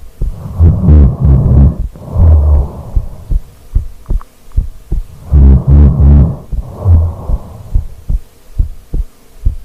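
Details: Real heartbeat recorded during sleep, after rolling over: steady, soft thumps through muffled contact noise, between longer rumbling bursts of snoring sleep breathing.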